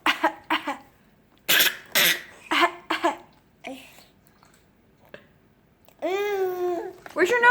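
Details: Young child gives a run of short, deliberate fake coughs on request, then a brief high-pitched vocal sound; voluntary cough.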